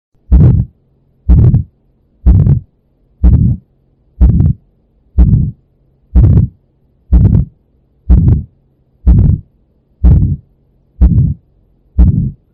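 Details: Regular heartbeat at about 62 per minute, each beat carrying a harsh rushing murmur, played for comparison with the late systolic murmur of mitral valve prolapse: ejection systolic murmur of aortic stenosis.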